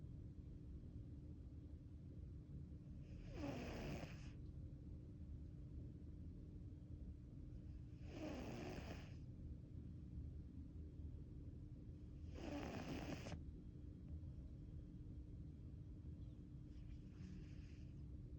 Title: When all else fails take a nap and snore #cat #fostercat #snoringcat